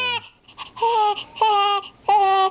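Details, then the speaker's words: Infant boy with a bad case of hiccups getting mad: three short, loud, tonal cry bursts with brief pauses; ordinary fussing cry. "got the bad case of the hiccups and he's getting mad."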